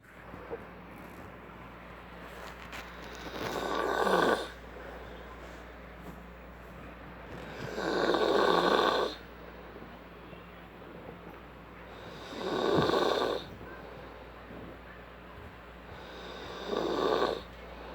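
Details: A person snoring: loud, rough inhaled snores about every four seconds, roughly 14 breaths a minute, with quiet exhalations between; typical snoring.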